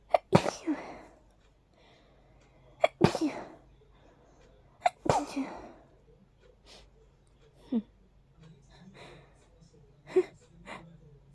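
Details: A run of three strong hay fever sneezes followed by softer sniffs and breaths; a mild but very tickly sneezing fit.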